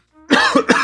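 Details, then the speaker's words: Adult with persistent cough for about 3 weeks attributed to long COVID (or possibly flu); two harsh, quick cough bursts preceded by a brief faint tone. "So anyway, um, oof, long COVID. I've had a cough for like 3 weeks."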